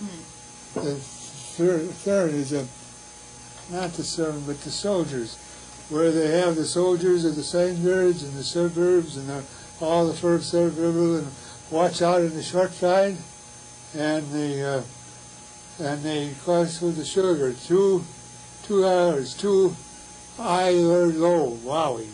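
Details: Patient with Wernicke's (fluent) aphasia; Wernicke's aphasia.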